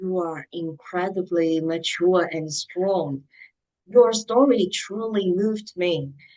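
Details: Adult speaker; typical speech.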